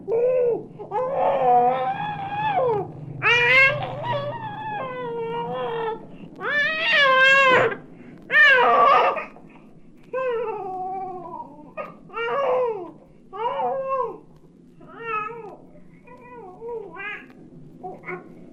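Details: Healthy young baby's ordinary vocal play: varied sliding squeals, coos and short bursts with shifting pitch over faint background hum; 1967 recording of baby sounds.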